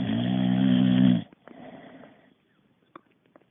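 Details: Boxer dog tired from exercise, sleeping: one loud, low rattling snore, then quiet breathing with faint clicks; ordinary snoring.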